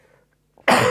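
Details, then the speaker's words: A single loud cough after a brief quiet moment, from an adult who has a hoarse voice and says they are sick with a mild cold, during a live stream. "Je vais boire un peu parce que comme vous l'entendez peut-être à ma voix rauque, je suis malade. Juste un petit rhume, rien de grave, mais j'ai besoin de m'hydrater."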